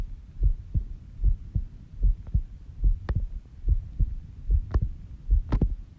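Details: Steady, regular low double thumps at about 70 beats a minute, recorded while sleeping at 5:30 am, stated rate about 70 bpm; slow normal resting heartbeat.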